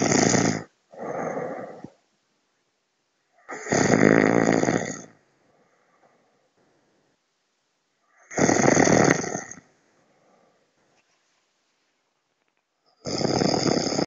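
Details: Person snoring during sleep, described by their partner as loud: loud, regular rasping snores about every four to five seconds, roughly 13 per minute, with silent pauses between.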